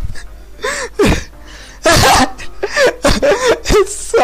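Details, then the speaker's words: Streamer sneeze compilation: several quick, sharp sneezes mixed with gasping breaths and voiced sounds, with a remark that the nose needs to sneeze again; repeated sneezing. "oh my nose my nose i need to sneeze again hold on guys hold on"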